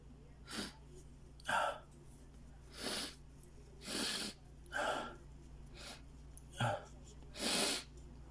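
Seven short, sharp bursts of air in quick succession over about eight seconds, each with a hissing spray quality: repeated sneezes.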